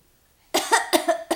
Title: baby imitating cough